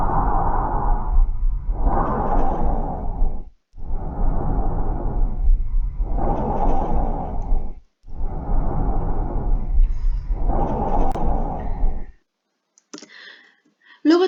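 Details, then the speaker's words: Loud, harsh, high-pitched blowing breath sounds heard over the trachea on the front of the neck, inspiration longer than expiration with a pause between: normal tracheal breath sounds from air passing the glottis and trachea. "Su inspiración es mayor que la expiración, con una pausa entre ellos. Es originado por el paso del aire de la hendidura glótica y la propia tráquea."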